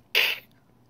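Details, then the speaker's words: Person imitating the kennel cough of an 8–12-week-old puppy: one short, harsh, hissing honk with no voice, described as a backwards-like cough or sneeze that owners should report immediately. "did somebody hear the puppy sneeze uh was that like a backwards like cough you know um if you hear that you need to let us know immediately"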